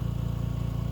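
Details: Home oxygen concentrator running, here giving direct air without the humidifier water bottle: steady low mechanical hum with rapid regular pulsing.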